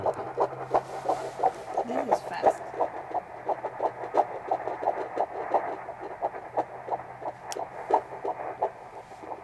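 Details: Fetal heartbeat at 13 weeks of pregnancy on a home Doppler: rapid, regular whooshing pulses at about 175 beats a minute.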